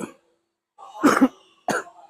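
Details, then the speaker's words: Adult man who says he is sick and now recovering, coughing while showing a car: short run of harsh, dry-sounding coughs, a close pair then a single one, with brief quiet between. "อันนี้ขอขอโทษนะอาจจะมีเสียงไอบ้างคุณผู้ชมเพราะว่าผมเป็นป่วยนะครับ"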